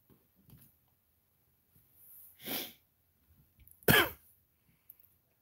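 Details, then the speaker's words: Two separate coughs in a quiet room, the second louder and harsher, from a sick adult with a cold and a runny nose who has been coughing for days. "I'll take that NyQuil anyway so I can stop coughing and my nose can start running"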